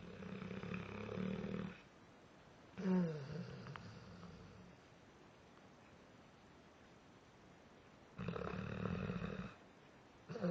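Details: Dogue de Bordeaux dog napping, possibly dreaming: low, rumbling snores in slow repeated breaths with quiet pauses; ordinary snoring.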